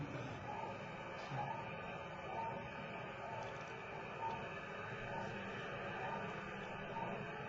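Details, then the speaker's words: Heartbeat of the dog in Sputnik 2 via radio telemetry, recorded November 6, 1957, with severe fading from an aurora borealis display: faint pulses about once a second under heavy hiss, ten clear beats spliced and repeated, rhythm breaks audible. "This is the sound of the dog's heartbeat, plucked from Aurora Borealis and sort of then cut and paste into somewhat regular rhythm."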